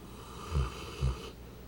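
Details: Two short, deep rumbling snorts about half a second apart from a sleeping 200-lb St. Bernard; real dog snoring.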